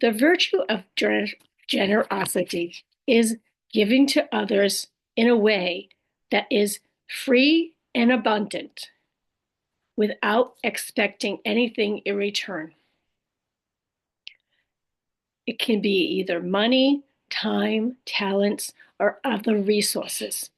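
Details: Adult woman after a stroke with aphasia (language disorder) plus apraxia of speech and dysarthria; her speech can sometimes be hard to understand; aphasia with apraxia of speech and dysarthria.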